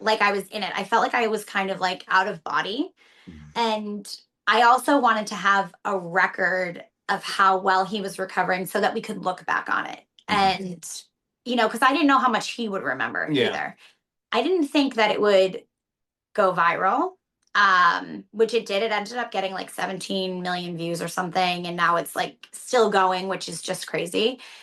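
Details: Adult woman speaking; ordinary speech.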